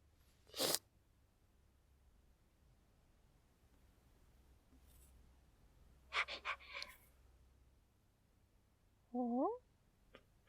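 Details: A simulated puppet sneeze in a short film: a quiet room, a brief sharp burst, then a short run of explosive sneeze bursts, followed by a small vocal sound.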